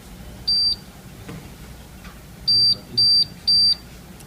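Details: Short high-pitched electronic beeps, one alone then three in a row about every half second, over quiet room noise: a physical-therapy laser in skin contact signalling treatment in an instructional demonstration.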